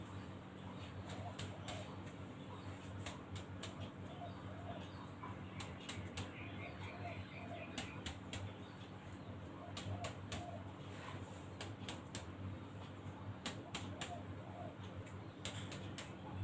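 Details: Adult male's chest percussed during a basic respiratory examination: sharp hollow taps in pairs and triplets over the front of the chest, a normal resonant note with no dullness.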